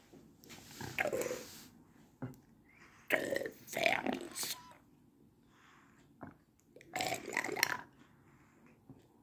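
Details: Man using esophageal speech after starting speech therapy in April 2019; esophageal speech.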